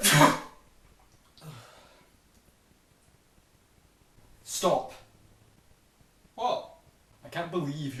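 Several short, sharp sneeze-like bursts separated by quiet pauses, acted for a comedy skit.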